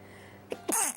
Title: Cute Japaneze girls sneezing くしゃみ17